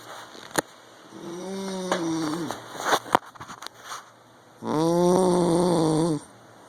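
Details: Husband sleeping: droning, buzzing snoring breaths, one short and one long, over room noise.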